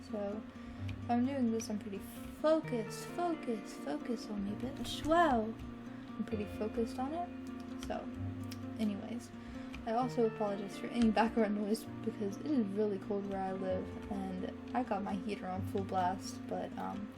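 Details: Teenager diagnosed with Tourette syndrome by neurologists, vocal and motor tics beginning minor in early childhood and worsening sharply at age 15; vocal tics include cursing, whistling and repeated phrases; vocal tic (coprolalia).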